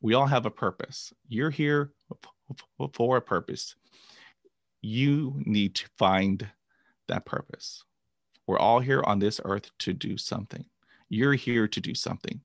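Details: Adult man who began stuttering at age 5 after a traumatic dog attack and has had 20 years of speech therapy. Finding: stuttering.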